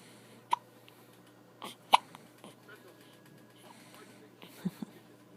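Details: Baby hiccups: several short, sharp, irregular hiccup sounds, about three or four in five seconds, with soft background noise.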